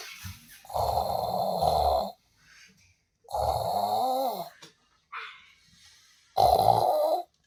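Three loud, buzzing, drawn-out snores with short gaps between; heavy snoring, possibly exaggerated for comedy.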